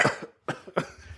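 Three short, dry cough bursts in quick succession from an adult, possibly an imitation rather than a genuine cough.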